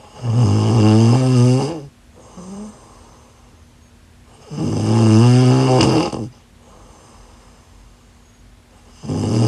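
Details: Snoring during sleep: loud, rough, buzzing snores on each in-breath, about 14 breaths a minute, with quieter out-breaths between.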